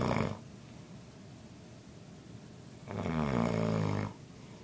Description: My grandpa snoring at 2 am